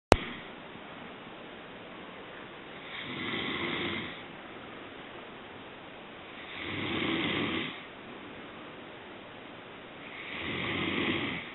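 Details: Snoring: three slow, rough, rattling snores on inhalation, about 17 a minute, with quiet pauses between them.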